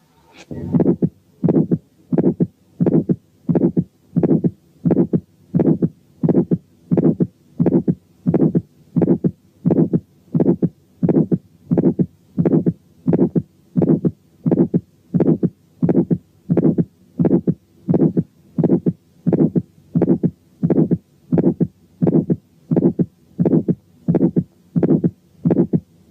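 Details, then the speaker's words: Aortic stenosis at the first aortic area, stethoscope diaphragm: regular heartbeat near 85/min with an early systolic ejection click and a harsh ejection systolic murmur. "7 كان ايورتيك ستينوزيس عامل ايجكشن كليك وايجكشن سيستوليك ميرمر."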